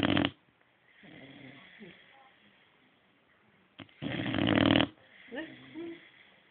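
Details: Boxer dog snoring while asleep: loud, rough snores with quieter wheezy breathing and snuffling between them.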